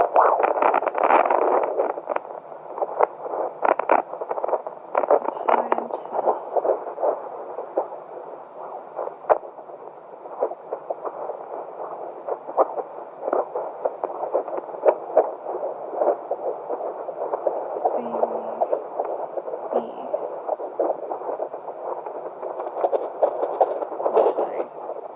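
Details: Home fetal Doppler at 11 weeks of a triplet pregnancy, finding three fetal heartbeats: static with rapid, soft pulsing whooshes as the probe moves.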